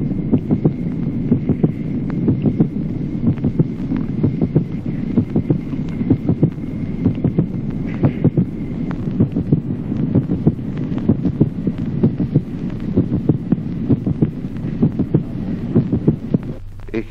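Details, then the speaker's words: Manifest, constant splitting of the second heart sound in left bundle branch block: regular heart sounds near 64 a minute, with the second sound clearly split into two parts. "ejemplo undécimo duplicación del segundo ruido cardíaco en el bloqueo de Rama izquierda división manifiesta y constante del segundo"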